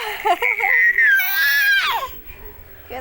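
Brief high-pitched infant cry: a tonal wail that rises, holds, then falls away, followed by quiet room noise.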